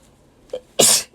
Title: Cute Japaneze girls sneezing くしゃみ107